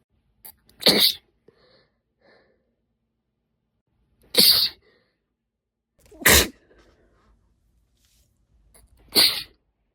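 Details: Female, four sharp, explosive induced sneezes with short gasps between, brought on by tickling the nose (usually done with a tipless cotton swab stick or a spray bottle dip tube).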